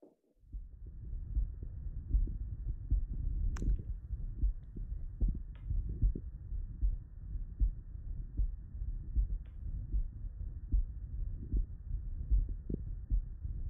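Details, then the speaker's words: Nurse auscultating her own heart with a 3M Littmann CORE digital stethoscope: steady, crisp S1-S2 lub-dub at about 76 a minute, with a soft murmur between beats flagged by analysis. "I really could definitely hear immediately that S1 S2 love dub love dub"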